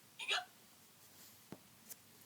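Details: Acted hiccup: a single short, squeaky 'hic' in a children's Halloween read-aloud story about Skeleton, followed by faint clicks in a quiet background.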